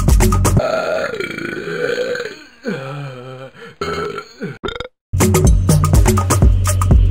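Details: Compilation of funny burp sound effects: long, loud, drawn-out burps with a croaking pitch over background music; belching.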